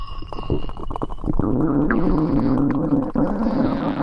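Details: Stomach growling (borborygmi).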